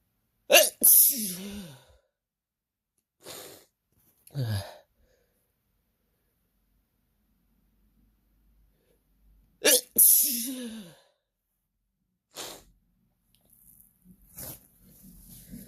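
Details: Adult whose partner deliberately tries to make them sneeze: two loud, explosive sneezes several seconds apart, each with a falling voiced tail, with quieter sniffs, snorts and breaths between; sneezing.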